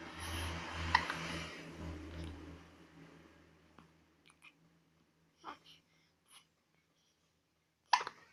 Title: Cute baby hiccup